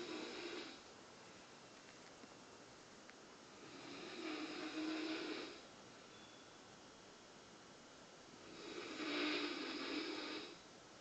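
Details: Roommate snoring at night: slow, soft rasping snores on the in-breath, about 13 a minute, with quiet pauses between.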